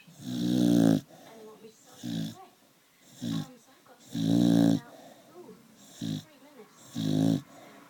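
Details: Loud, rattling snores from a sleeping Staffy (Staffordshire bull terrier), alternating longer and shorter bursts with quieter breaths between, about 16 a minute: ordinary canine snoring.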